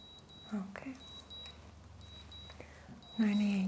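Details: Regular high electronic pulse oximeter beeps, about one a second, with soft talk, during a soft-spoken roleplay head-to-toe exam on a real person with a rash. Readings that follow are normal: 97% oxygen on room air, heart rate 88.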